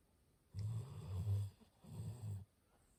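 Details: Labrador dog asleep: two deep, rumbling snoring breaths in a quiet room; loud ordinary snoring.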